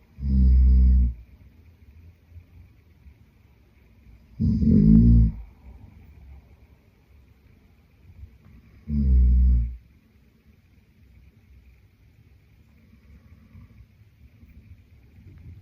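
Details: Adult male (boyfriend) snoring in sleep: three loud, low, buzzing snores at regular intervals, about 14 a minute, with quiet breathing between.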